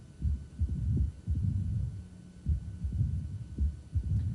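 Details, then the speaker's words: Mitral stenosis: the diastolic rumble grows quiet and fades during long RR intervals as atrial and ventricular pressures equilibrate. "notice the murmur gets quiet goes away what that means is the atrium and ventricle are equilibrating in there pressure"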